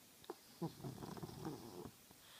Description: Watch a Frenchie snore away. See how load the French Bulldog snores